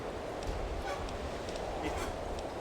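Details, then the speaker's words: A dog gives a few harsh, honking cough bursts, faint beneath steady room hum, heard during a live stream. "What the fuck is that noise I'm hearing? Dog coughing. Sounds like someone got... Oh, okay. It sounds like someone got fucking, like, whammed in the gutter and it's fucking reeling. That's it. It was just my dog coughing."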